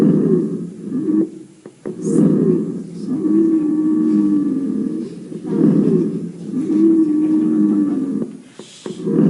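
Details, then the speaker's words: Crackles heard over the trachea, described as very severe and abnormal at the tracheal level. "Cómo se escuchan las crepitaciones a nivel traqueal est Es una crepitación muy severa sí no es normal que se escuche a nivel de"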